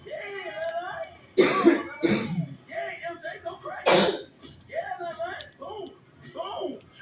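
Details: A child eating candy during a mukbang gives three harsh, loud cough bursts in quick succession between chatter and eating sounds; repeated coughing.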